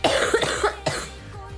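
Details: Girl coughing: a quick run of about four short voiced coughs, then a final cough, over faint room background.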